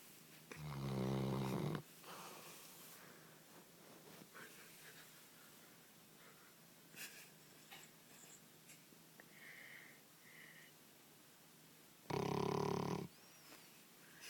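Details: Sleeping Labrador dog gives two loud fluttering snores about ten seconds apart, with quiet breathing and faint room noise between; snoring.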